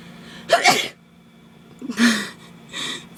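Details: Dog that had been sleeping and snoring and was just woken: two sharp, explosive sneezes followed by a softer snort-like breath; sneezing.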